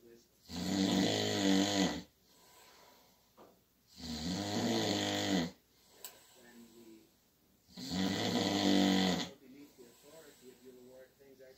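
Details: Sleeper snoring in the dark at night, keeping the recorder awake: three loud, rough, rattling snores on the in-breath, about 16 a minute, with quiet breathing between.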